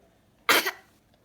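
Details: A single short, forced cough from a baby, a deliberate fake imitation rather than an illness cough.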